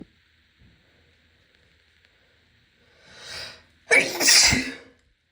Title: can‘t stop sneezing (F)